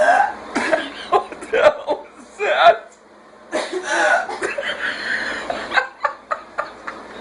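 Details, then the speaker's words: Adult woman with rare, intense hiccups that occur only every couple of years: repeated abrupt, sharp gulping hiccup sounds mixed with her laughter and room noise. "L's got the hiccups it only happens like once every couple of years but when it happens it's it's completely epic"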